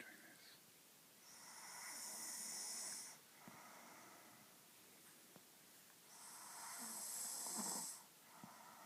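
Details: Girl snoring while asleep in a small room: two loud, rough, rattling inhaled snores with quiet breathing between them.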